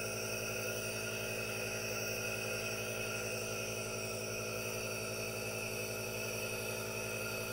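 Steady droning machine hum with a constant hiss and no speech, a running aerosol nebulizer.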